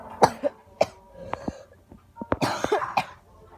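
A series of short coughs and throat clearing, about eight bursts in under four seconds.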